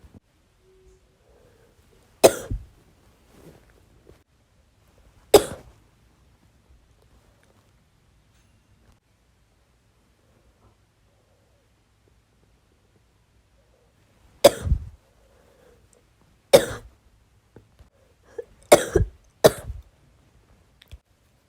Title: bronchitis cough (f)